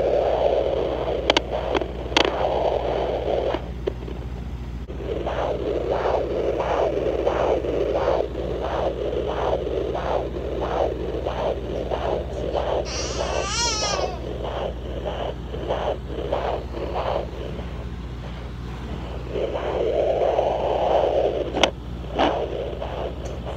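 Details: At-home fetal Doppler recording in a rainbow-baby pregnancy: rapid, regular whooshing fetal heartbeat at about 140–150 beats per minute.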